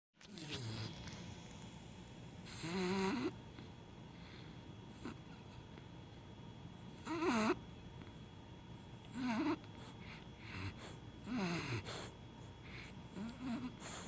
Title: He's dreaming... And snoring